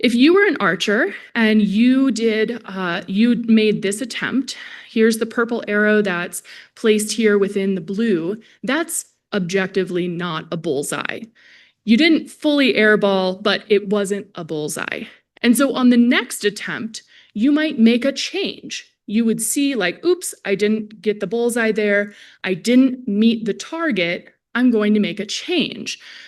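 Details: Adult woman presenter; typical speech.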